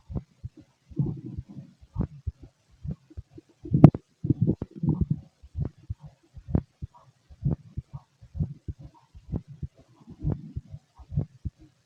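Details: Fit adult male heard through a stethoscope: steady dull thumps at roughly 60–70 beats a minute with some rubbing noise; normal heart sounds.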